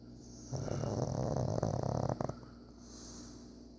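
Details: Pug sleeping directly behind the owner: a low, rumbling snore with snorting rattles over a couple of seconds before it quiets.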